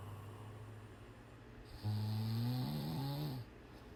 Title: Cat Snoring. Snore hard.